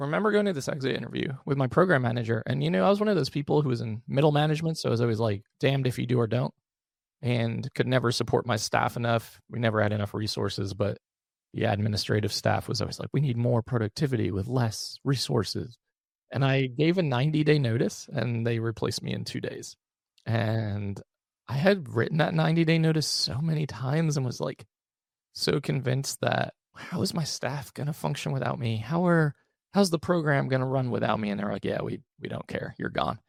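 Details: Adult male with vocal fry from unilateral vocal fold paralysis after open throat surgery in 2022 for a rare chronic recurring throat condition, following endoscopic surgery in 2021; voice improved but tires during the day; had extensive speech therapy.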